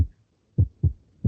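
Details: Normal heart sounds: low thumping lub-dub with a normal first and second sound and quiet pauses between; systole lies between first and second sound, diastole between second and first.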